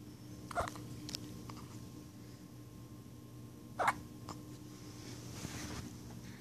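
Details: Hiccups in a 9-day-old newborn: two brief, sharp little catches over quiet room noise.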